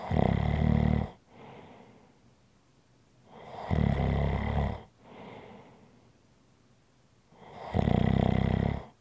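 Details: ASMR relaxation recording: loud, buzzing snores on each breath in, about every four seconds, each followed by a softer breath out, in a small room. Snoring.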